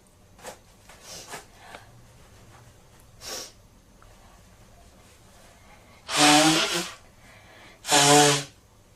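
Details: Male sneezing: quiet breaths and sniffs, then two loud voiced sneezes about two seconds apart.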